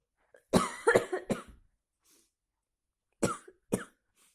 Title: Big sneezes cold for rain part 2